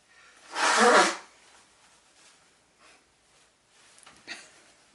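One sharp, explosive sneeze burst, followed by quiet breathing and faint room sounds.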